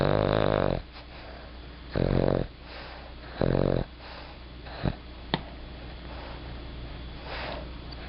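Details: Dog snoring in a quiet room: short buzzing snores repeating every one to two seconds, with soft breathing between.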